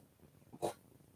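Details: Pet dog snoring loudly while asleep indoors in the evening; snoring.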